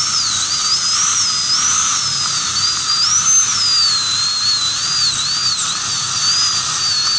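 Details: Steady high-pitched high-speed dental handpiece whine, wavering in pitch as it cuts, during crown tooth preparation using a gum protector for aesthetic restoration.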